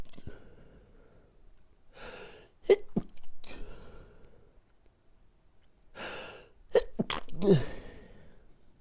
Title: Dinner Sneezing